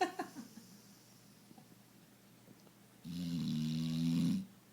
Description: This is Moose, our foster dude. He is quite content in a snuggle, snoring away.